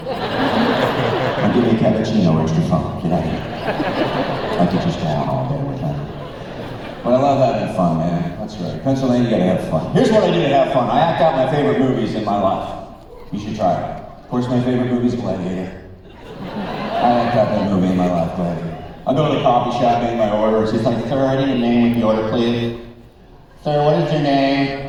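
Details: Man, former record producer, with incurable spasmodic dysphonia developed at the height of his career, progressively worsening until voice was lost, unhelped by vocal coaches and doctors, audible in his voice; spasmodic dysphonia.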